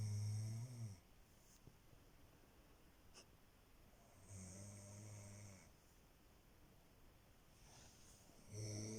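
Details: Person recorded to check whether they snore: deep, droning snores about every four seconds, roughly 14 a minute, with quiet pauses between in a still room; snoring.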